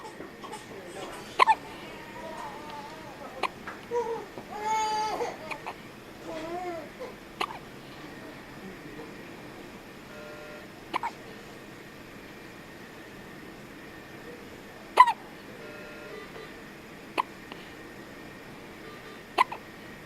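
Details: A 2-week-old baby with hiccups: repeated short, sharp hiccup bursts, about six in twenty seconds, with soft babbling and fussing between them; infant hiccups.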